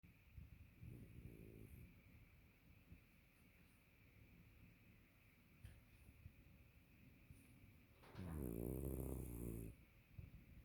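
Soft breathing in a quiet room, then one loud, long, vibrating snore on a breath in. Dog snoring.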